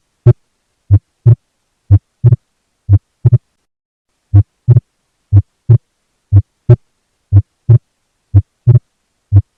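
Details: Physiological splitting of S2 at about 60 beats per minute: aortic valve closes slightly before pulmonary valve, giving two close clicks, more prominent on inspiration; normal finding.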